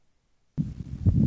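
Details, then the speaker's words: Imitated ejection systolic murmur, made by pressing a stethoscope diaphragm into a fist, as in aortic or pulmonic stenosis: brief silence, then a low, harsh rumbling swell. "And what you hear is ejection systolic murmur or ejection systolic click. The causes are aotic stenosis or pulmonic stenosis."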